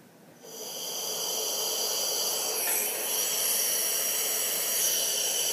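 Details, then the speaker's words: Nasopharyngeal CPAP (EzPAP device) in a paediatric patient with respiratory failure. Gas flow is turned up to 10 litres, delivering about 8–9 cmH2O; a steady loud hiss of gas flow builds after a quiet start. "the pressure is determined by the amount of flow so if i turn it up to 10 liters of the gas outlet"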